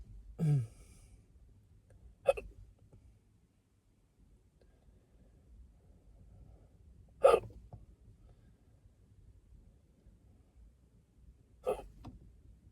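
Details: Hiccups after drinking a beer in the car after work: four sharp, brief hiccups spaced a few seconds apart in a quiet car.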